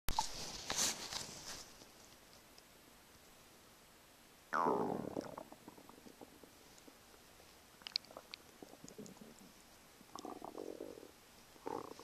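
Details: Morning stomach sounds: low gurgling, bubbling rumbles in bursts with quiet gaps between them; stomach and bowel rumbling.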